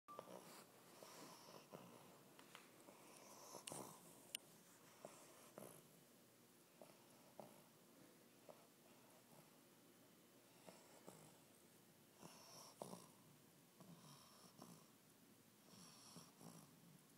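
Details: Snoring from a sleeping bulldog puppy: soft, irregular snuffling and wheezy breaths with occasional snorts in a quiet room.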